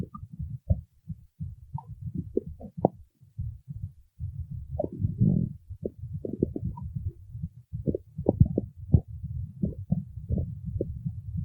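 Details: Stomach growling (borborygmi): low, irregular rumbling and gurgling with brief higher squeaks and bubbling bursts throughout.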